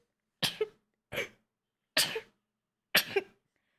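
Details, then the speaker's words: Female streamer, puzzled by sudden allergy, sneezing many times: four quick, sharp sneezes in a row, each a sudden burst of air; repeated sneezing. "No entiendo por qué me está dando tanto así alergia. Ay, o sea, ya van muchas veces que estornudo, ¿no?"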